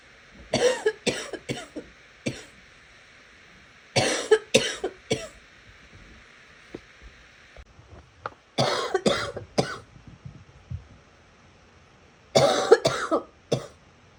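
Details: Four bouts of three to four harsh coughs each, growing moist and rattly later; a wet productive cough in a sick person.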